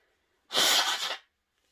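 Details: Woman deliberately sniffing pepper to provoke sneezes, then blowing her nose: a single loud explosive sneeze with sharp hissing burst, then quiet; induced sneezing.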